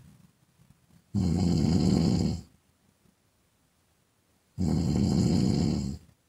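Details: Woman snoring in sleep: two loud, rough, low snores on in-breaths, each over a second long, with quiet pauses between.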